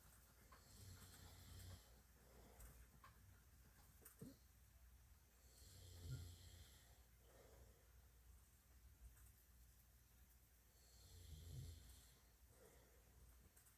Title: Syrian hamster hears snoring 😴